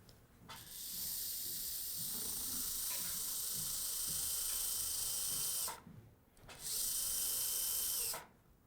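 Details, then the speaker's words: Late single dental implant placement (Conelog Progressive-Line) with the flap reflected: a round drill marks the bone at the implant position, giving a high-pitched whine in two bursts of about five and one and a half seconds. "let's start by marking the bone in the right position for this we use a round drill"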